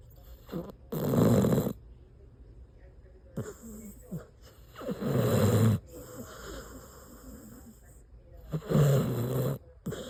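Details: Sleeping dog snoring very loudly: coarse rattling snores, about 15 a minute, with quieter snuffling between them; heavy snoring.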